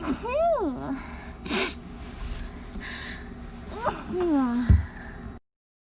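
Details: Stifled sneezes into a pillow during a persistent allergy attack: muffled, damped sneezes with rising voiced catches of breath before each burst.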